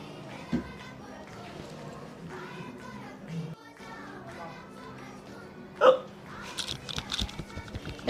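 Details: Comedy short about a couple: two sharp, sudden hiccup sounds several seconds apart over background music and light talk.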